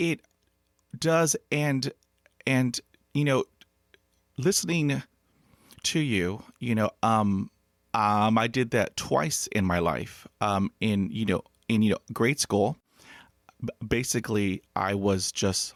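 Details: Adult man who has stuttered since childhood, unable to talk as a child, whose mother also stuttered and who hid his stutter for 35 years; stuttering.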